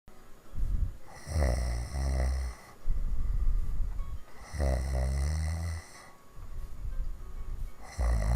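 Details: Hard snoring, recorded in 2015.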